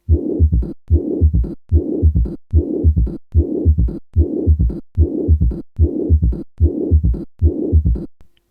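Regular heart sounds at about 74 beats a minute, with a rough, whooshing murmur filling much of each cycle between the beats. This is an abnormal heart murmur, caused by turbulent blood flow across a heart valve.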